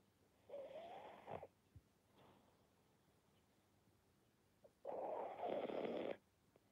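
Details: Snoring from a pug dog.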